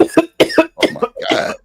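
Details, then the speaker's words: A live-stream participant who has been sick and is taking medicine has a coughing fit: about six harsh, forceful coughs in close bursts, the last ones longer and rougher. "Wow. Me coughing. Mute your mic. That sounds horrible, ma'am."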